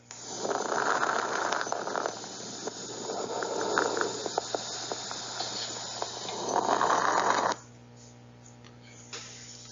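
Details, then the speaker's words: Lung auscultation through a stethoscope in a teaching example where bronchial (tubular) breathing replaces vesicular murmur: fine popping crackles layered over airflow: crackles. "Y también vamos a encontrar ruidos agregados, como los crépitos o las crepitaciones. ¿Cómo se escuchan estos crépitos?"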